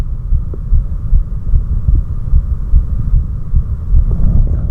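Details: Adult's own heart recorded after four minutes of step-up exercise: fast, deep pounding thumps about 150 a minute over a muffled hum; rapid heartbeat after exercise.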